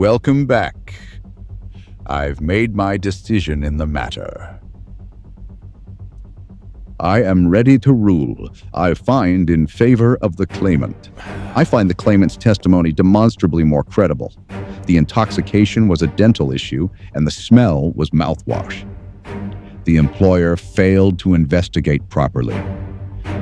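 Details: Adult male actor playing a judge; normal speech.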